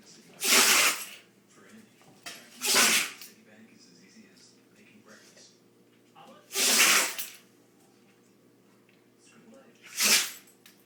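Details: Rottweiler dog having a sneezing attack: four sharp, hissing sneeze bursts in about ten seconds in a quiet room.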